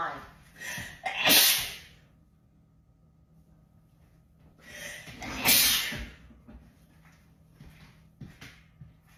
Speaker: Okay. I need to sneeze. Uh, I can't believe I got that on camera.